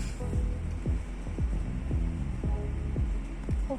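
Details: Nursing head-to-toe assessment: stethoscope over the abdominal aorta, slightly below the xiphoid process and above the umbilicus, listening for a blowing, swishing bruit; normal abdominal aorta, no bruit noted.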